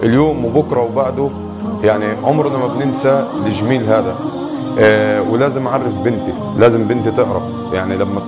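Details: Adult man; typical adult speech.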